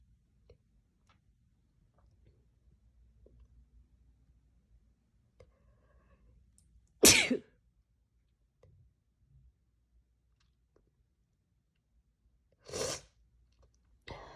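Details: Sneezing deliberately induced by tickling the nose with a strand of hair: two sharp sneezes in a quiet room, then the start of a nose blow: sneezing, not a cough.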